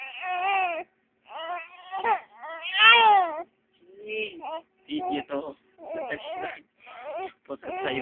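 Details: Crying of a 3-month-old baby girl: repeated rising and falling wails broken by short pauses for breath.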